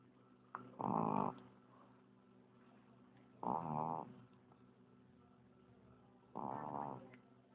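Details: Three loud rattling, buzzing snores about three seconds apart over a steady room hum; a voice comments that the sleeper snores more than their mom; ordinary snoring.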